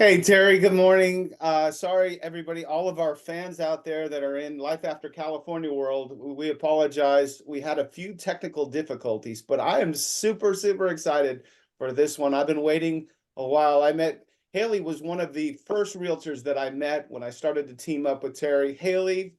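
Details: Adult speaker; normal voice.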